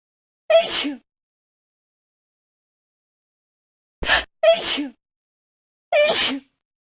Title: School Of Sneezes Compilation